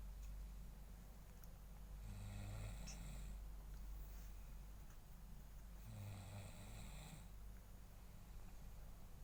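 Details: Yuna trying to wake her snoring father: two soft, low, buzzing snores about four seconds apart under steady room hum; quiet snoring.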